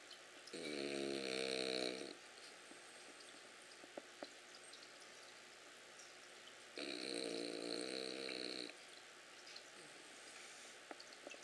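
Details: Ollie, asleep, snoring: two long, rough, tonal snores about six seconds apart, near 10 breaths a minute, over a steady background hum.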